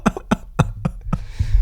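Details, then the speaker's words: Cough from an adult podcast host who says he is battling the tail end of a nasty cold, with his voice sounding different. "also guys as I cough um I forgot to say uh I am battling a cold right now so if I sound like Scarlet Johansson uh or my voice sounds a little different this episode"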